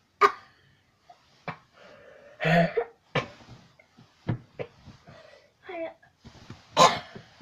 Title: HUGE COUGH ATTACK!!!!!